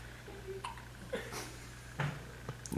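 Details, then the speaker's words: Hiccups in a dog resting on a couch: several brief, soft hiccup sounds against a low room hum. "okay here's betting Andrea relaxing on the couch listen close a little Bethany's got the hiccups which we find quite funny actually"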